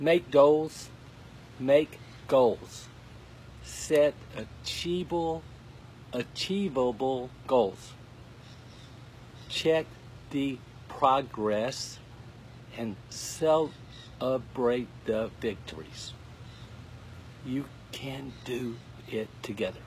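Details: Adult male with aphasia who finds, orders and produces each word with great effort, and who could not talk at all eight weeks earlier: aphasia.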